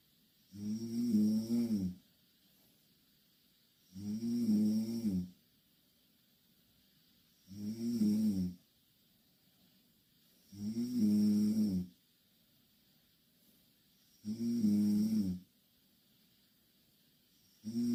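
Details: Two Korean girls sleeping in the same bed, snoring loudly and regularly on each breath in, about 18 a minute, with quiet pauses between snores; snoring.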